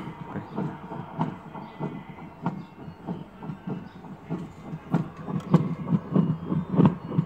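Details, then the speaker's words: An old WEM handheld fetal Doppler, tested after maintenance by placing it over an adult's heart: rhythmic whooshing pulses at about 98 a minute, confirming the unit works; Doppler heartbeat signal. "ela vai colocar o total emprestado no coração gotei significa que ela na vida o aparelho está funcionando certo mas"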